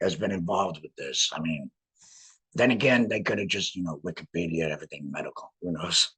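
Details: Adult laryngectomee speaking with a voice prosthesis in a tracheoesophageal puncture, pushing trapped air up through the prosthesis to vibrate muscle; tracheoesophageal speech after laryngectomy.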